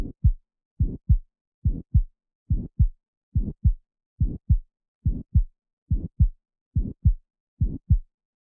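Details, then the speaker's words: Aortic stenosis: regular heartbeat about 71/min, ejection click, then a harsh systolic crescendo-decrescendo (diamond-shaped) murmur ending at S2, heard at the aortic area, right second interspace. "so you hear the murmurs start soft after that ejection click that it peaks in intensity then at day crescendos it gets softer and it ends at s2 when the valve closes"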